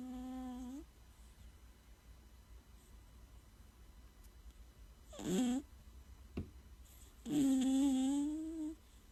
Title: Cute cat snoring - so cute !!